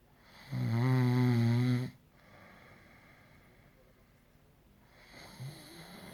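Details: One loud, buzzing, vibrating snore, then quiet breathing and a soft start of the next breath; snoring.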